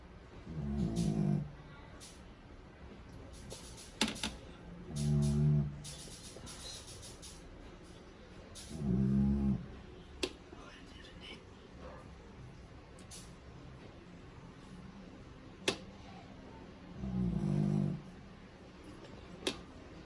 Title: Dog snoring while sleeping